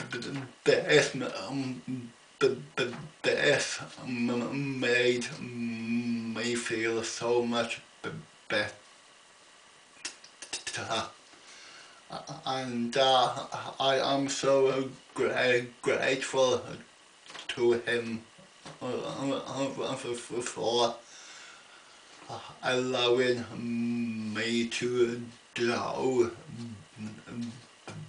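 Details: Adult man with an ongoing stammer, attending a weekly speech therapy group; stuttering.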